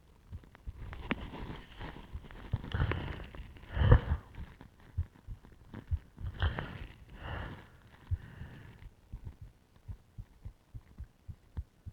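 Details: Own heartbeat via stethoscope with ECG while deliberately arresting breathing (choking with plastic bag and pillow), multiple attempts: rustling, muffled breathing, then regular fast beats near 115/min, tachycardia that later slowed below 50/min.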